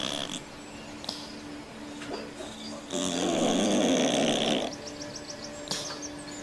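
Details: Cat snoring in deep sleep, deeply relaxed: a soft rattling snore on one breath with quiet breathing around it; ordinary snoring.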